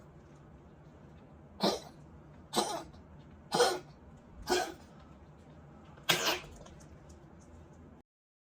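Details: Pet with tracheal collapse (tracheomalacia): five harsh, dry cough bursts about a second apart, a tracheal collapse cough.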